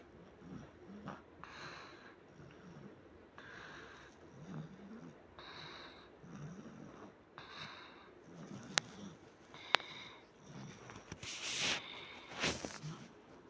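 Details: Sick sleeping child at night with louder-than-usual snoring: soft, rhythmic, noisy snoring breaths, with a few faint clicks and rustles in the room.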